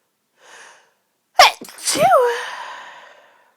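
A quick in-breath, then a sharp sneeze with a voiced 'achoo' that trails off.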